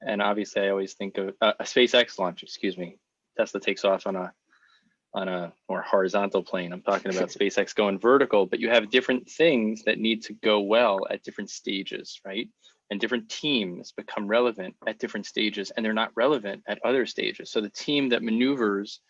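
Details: Adult male speaker; Fluent speech (no disorder).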